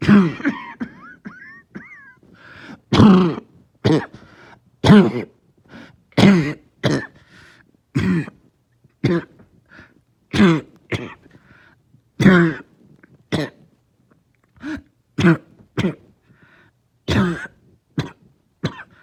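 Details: Lingering cough that started the night before, with headache: repeated harsh coughs and throat-clearing bursts, about sixteen in twenty seconds, with short pauses between them.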